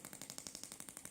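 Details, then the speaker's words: Gymna Shockmaster 300 radial shockwave for grade 2 cellulite on the leg, 1.6 bar, 12 Hz, 20 mm head with gel, repeated upward sweeps: fast, regular sharp clicking pulses about twelve a second. "this is method number two where you run a series of shots up the leg stop come back down to the bottom and run our next series of shocks at the leg stop once again come back down and keep sweeping up"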